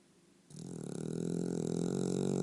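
A single drawn-out, rattling low snore that builds in loudness over about two seconds, typical of a sleeping dog snoring.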